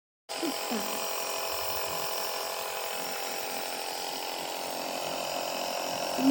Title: nebulizer #cough #cold#